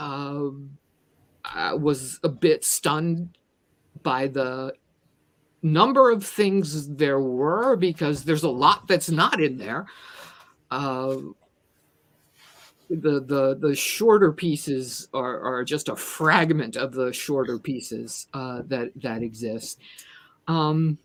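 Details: Stuttering in an adult woman who describes herself as a person with a disability; repeated words are heard in this stretch of speech.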